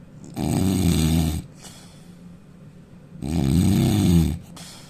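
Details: Indian man snoring loudly: two loud, deep, rattling snores about three seconds apart, with quieter breathing between.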